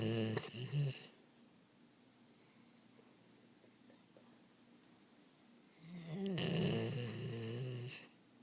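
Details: Nightly snoring: two low, rumbling snores separated by a quiet pause of several seconds.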